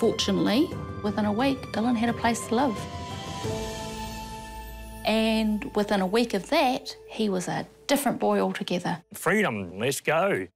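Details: Adult female narrator, with a brief second voice; ordinary speech.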